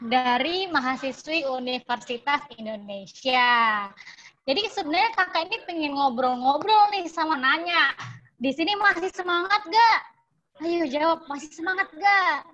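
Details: Adult woman; normal speech.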